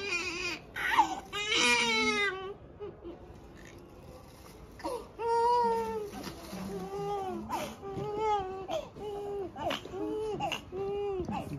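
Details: Newborn girl on her second day after birth, during her first bath in hospital: repeated high-pitched wailing cries with short whimpers between, adult voices in the room; ordinary newborn cry.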